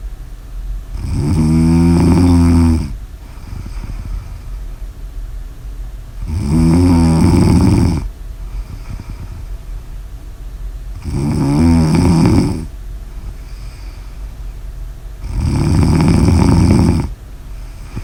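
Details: Heavy snoring: four long, loud, rumbling snores, about 13 a minute, with noisy breathing between them.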